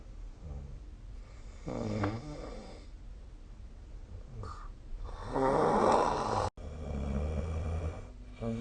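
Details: Rough, rattling snores on the in-breath with softer snorting breaths between, recorded with the SnoreLab app; an adult snoring in sleep.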